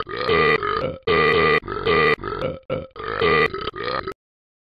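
Seven loud, drawn-out belches in quick succession, each a low rumbling croak lasting about half a second; repeated burping.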